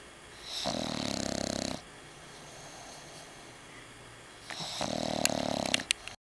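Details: Two long, rattling, buzzy snores separated by quieter breathing from a resting dog snoring with an eye open.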